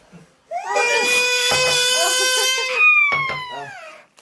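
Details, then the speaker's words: 8-month-old infant crying in loud, sustained, high-pitched wails broken by short breaths, upset after the father's sneeze while eating. "코 간지러워서 울라 그러네 아직기"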